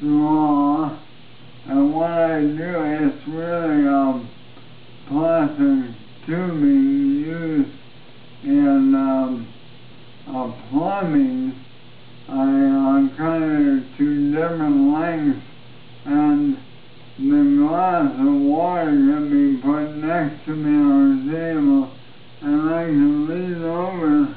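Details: Adult man with ALS, recorded 10 December 2012, who says his voice has changed dramatically since his previous video and now sounds 'really really drunk'; dysarthria (ALS).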